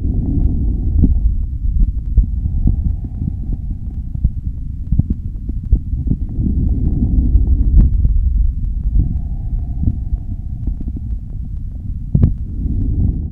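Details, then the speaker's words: Normal vesicular breath sounds over the peripheral lung fields: soft, low-pitched rustling like wind in the trees, with inspiration longer than expiration. "this is called vesicular lung sounds they are low pitch soft and the inspiration is greater than expiration the quality is a sound of like wind in the trees"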